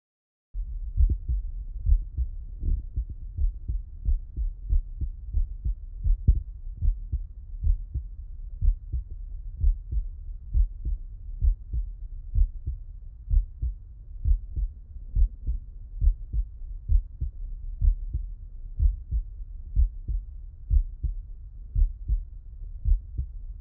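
Steady, regular lub-dub heartbeat through a stethoscope at about 65 beats a minute; normal heart sounds.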